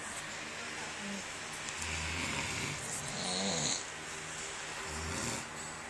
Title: Best snore battle Ever!!!!!